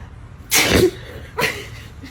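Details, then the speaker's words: One loud, explosive sneeze, then a smaller second burst, in a quiet room; a deliberate sneeze prank on a skincare client. "dude did you just sneeze all over me oh stop it so disgusting who just spit on me it was me did you oh did you just sneeze on me"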